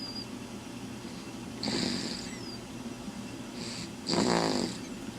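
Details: Anna snoring in sleep: two snoring breaths, the second a louder fluttering rattle, over steady room hum.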